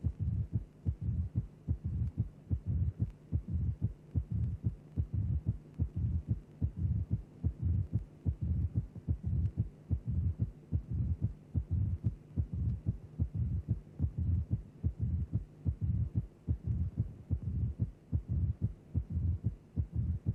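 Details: Teaching recording, simulated heart sounds about 73 beats a minute: mitral stenosis with a low rumbling mid-diastolic murmur following the left atrial-to-ventricular pressure gradient while the mitral valve is open.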